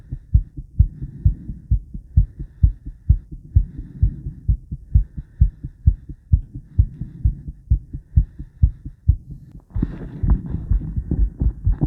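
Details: Woman's own heartbeat recorded before exercise, after 50 squats and during recovery; regular, quick, low lub-dub thumps with brisk rate after exertion and rubbing noise toward the end; normal heart sounds.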